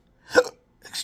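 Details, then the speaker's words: Intractable hiccups since December 2015 after surgery with multiple nerve damage (pudendal nerve injection): two abrupt, sharp hiccups half a second apart, each a brief catch of breath with a voiced click. "This is an extremely rare form of hiccups that uh doctors are just dumbfounded how to treat us."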